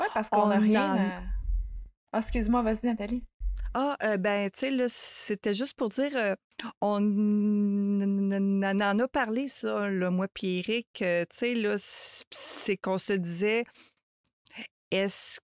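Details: Adult woman who stutters, a mother of two teenagers, speaking French in a podcast interview; stuttering.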